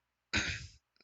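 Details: Adult smoking cannabis during a podcast recording: one harsh, explosive cough burst lasting about half a second, with a rough throaty edge.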